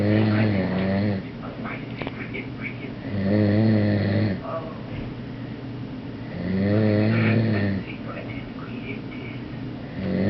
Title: This is the Sound of Snoring